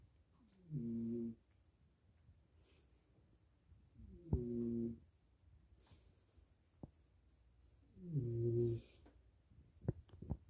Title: My poodle snoring, sounds like a fog horn 🤣